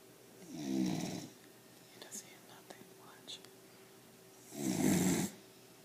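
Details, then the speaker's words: Pit bull puppy sleeping on owner's lap: two rattling, fluttering snores about four seconds apart with faint room noise between; snoring like a grown man. "He snores like a grown man."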